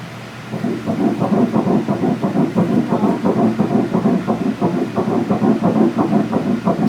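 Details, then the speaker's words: First-trimester ultrasound of a pregnancy after previous miscarriage, fetus a little bigger than a gummy bear: fast, regular whooshing fetal heartbeat at roughly 170 to 180 beats a minute. "It's heartbeat. Oh my goodness. So we're going to take a little listen right now."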